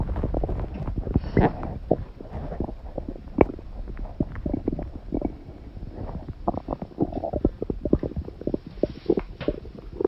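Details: Loud, continuous gurgling and rumbling with bubbly pops from the belly of a woman who held in a bowel movement all day and urgently needs to defecate; stomach growling (borborygmi).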